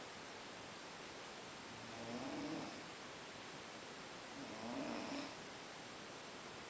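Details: Snoring after a long day at Boiçucanga: two slow, soft snoring breaths about two and a half seconds apart, over steady hiss.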